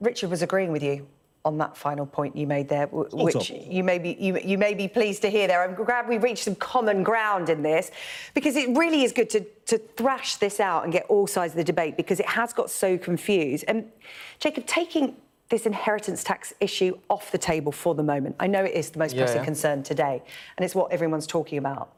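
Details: Adult female speaker; ordinary speech.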